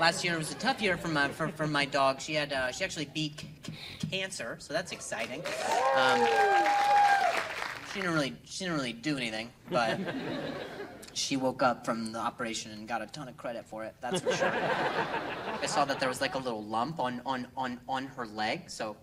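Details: Acquired stuttering in an adult male comedian, onset at age 20 overnight after a softball hit his throat, causing a minor vocal contusion and a major concussion; no stutter before; real.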